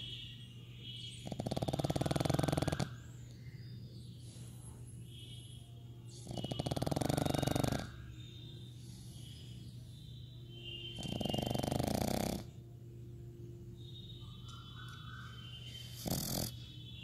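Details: Three loud, rough, rattling snores, each about one and a half seconds long and repeating about every five seconds, from a sleeping pug, with a steady low background hum.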